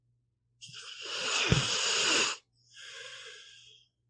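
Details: Pit bull dog sleeping and snoring: one loud, hissing, rattly inhalation and a softer airy exhalation.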